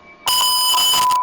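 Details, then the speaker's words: High-priority alarm on a Puritan Bennett ICU ventilator during user training: a sudden loud, shrill, steady electronic tone that turns red and signals staff to check the patient and adjust alarm settings. "come here and check your patient and adjust the alarm accordingly so what I'm trying to say is that this alarm will capture your attention"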